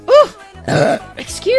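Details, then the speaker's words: Adult woman, described as gassy, burping: several short burps in quick succession, with faint music behind. "Excuse me. Excuse me. I'm gassy. Excuse me."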